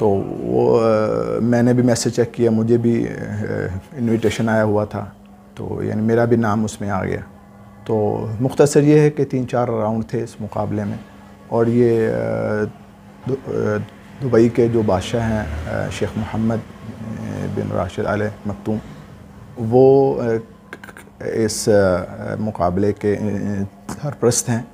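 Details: Adult man speaking Urdu, with a stammer since about age 12, previously treated by various doctors; has difficulty in ordinary conversation; stuttering.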